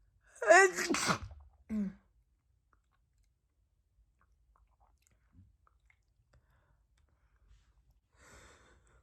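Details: Woman at night, just out of the shower, reporting a really itchy nose: a loud wet sneeze with a drawn-in breath before it and a short voiced sound after, then near silence; wet sneezing.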